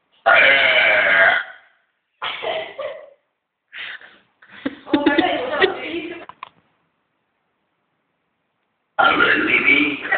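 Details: Several loud, drawn-out voiced belches in a row, some long and rumbling, deliberate burping.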